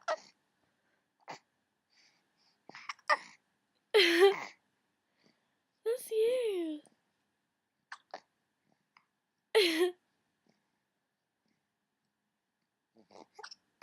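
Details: Baby with hiccups: short, sharp vocal catches recurring at irregular intervals among soft baby sounds.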